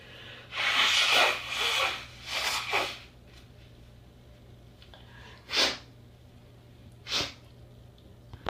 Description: I'm pretty sure that dust was making me sneeze. I had to be really quiet, as it was late, but that didn't exactly happen.